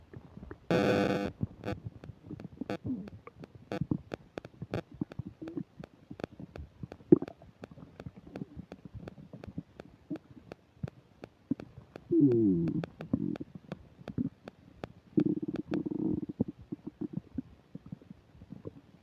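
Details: Recorded while eating a burger and fish fries, described as upset digestion: loud gurgling, bubbling and rumbling stomach noises with frequent clicks and a few longer growls (borborygmi), captured on a sensitive microphone.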